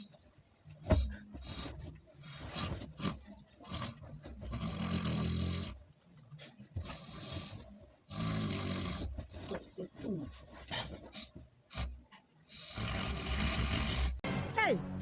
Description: Mehn!!! This nigga can snore for Africa 😂😂😂